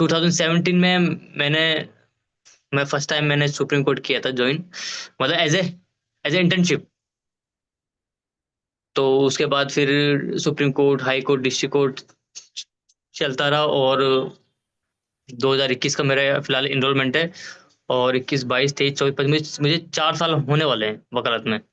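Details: Adult man who stammers, teased for it as a child, with blocks and repetitions when speaking in front of people, and who uses stammering-association speech techniques; stuttering.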